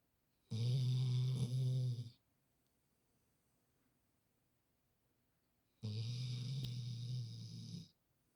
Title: 상큼한 코골이 snoring